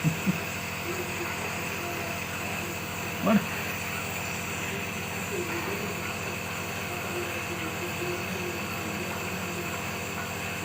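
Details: Home nebulizer compressor used for a baby's cough and cold: steady mechanical motor hum with a few brief knocks, nebulizer running.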